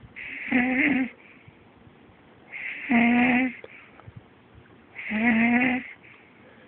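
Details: Snoring, recorded at medium to medium-loud level (usually quieter, can occasionally get worse): three even, droning, buzzing snores about one every two seconds with quiet between.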